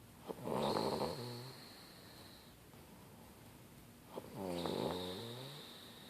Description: a girl snoring